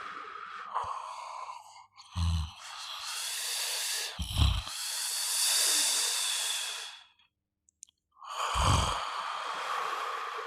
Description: This sound is natural snore sound